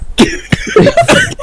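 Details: Adult video game player having a coughing fit: a few short, forceful coughs, then voiced, strained sounds as the fit settles; cough.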